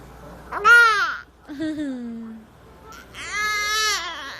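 Three short, high-pitched infant cries with rising and falling pitch, separated by brief pauses.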